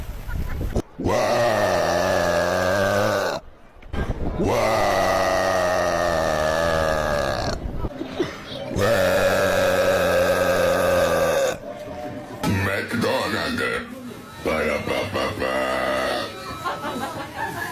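Several long, loud, voiced belches with a deep rumbling pitch, separated by short pauses; repeated burping.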